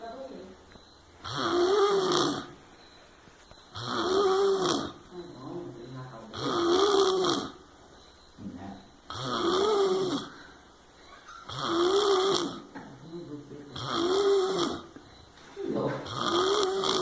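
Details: Loud, regular rattling snores on each breath in, about 24 a minute, recorded 02/05/2019: snoring.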